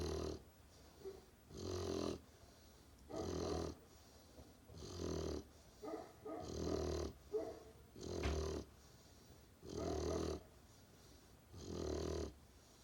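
Rhythmic rattling snores on each breath in sleep, about 36 a minute, with quiet pauses between.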